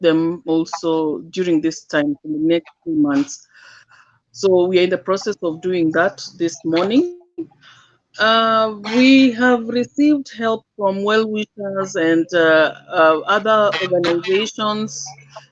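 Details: Dysarthria in an adult living with cerebral palsy; his speech is hard to transcribe.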